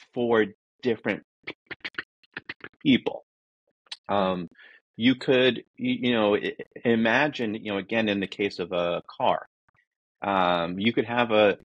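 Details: Adult man who says he is a person who stutters and that his disfluencies are simply how he talks, not a recording glitch; stuttering.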